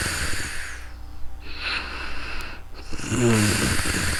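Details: Person sleeping in real time, recorded for ASMR on a new microphone that the uploader says sounds odd: slow breaths with a rough, fluttering low rattle and faint background hiss; snoring.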